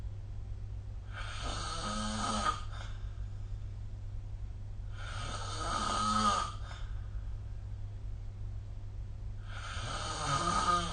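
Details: Harsh, buzzing snores on each breath, about 16 a minute, over steady low room hum; loud sleep snoring recorded with the SnoreLab app.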